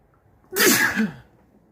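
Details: One forceful, wet, mucus-laden sneeze with a burst of hissing air.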